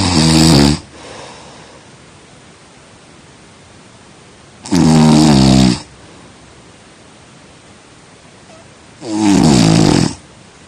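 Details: Snoring during sleep: three loud rattling inspiratory snores, about 13 a minute, with quiet pauses between.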